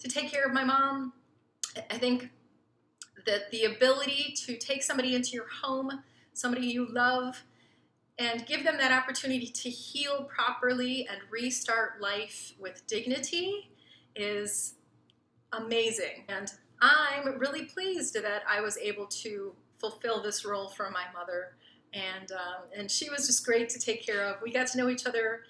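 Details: Adult woman speaking; normal speech.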